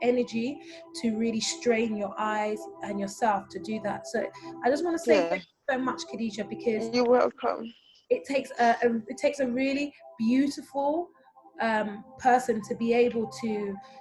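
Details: Adult woman speaking; typical speech.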